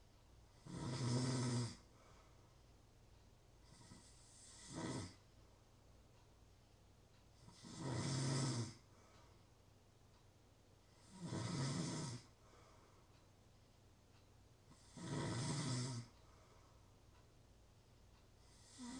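Loud, rough snores recurring about 8 times a minute against a quiet background, typical snoring during sleep.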